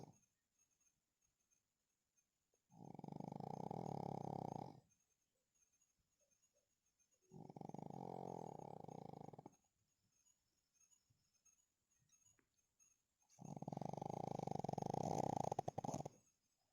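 Three loud, rattling snores about 2 seconds long, each followed by a quiet pause; steady snoring from a sleeping dog.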